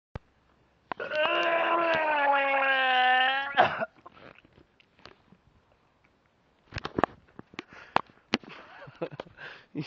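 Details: A sustained strained, wailing vocal sound ending in a gurgling burst, then quiet and scattered outdoor clicks: a person retching and vomiting over a bridge at 5 a.m.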